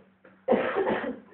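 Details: Soft breath in, then one sustained forceful cough, demonstrated in a skills-lab lesson as a controlled, effective cough technique for clearing the airways.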